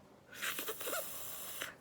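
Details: Pursed-lip breathing.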